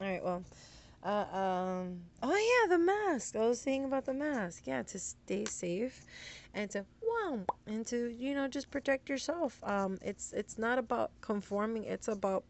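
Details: Woman having tic attacks, with interjected words like 'whoa' and profanity while talking to camera; vocal tics.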